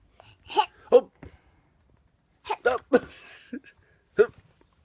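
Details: Hiccups in a young child and her father.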